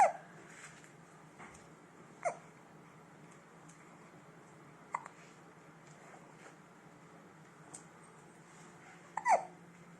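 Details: 5-week-old baby boy with hiccups: brief, abrupt little catches of breath, about five in ten seconds, roughly every two seconds, in a quiet room; infant hiccups.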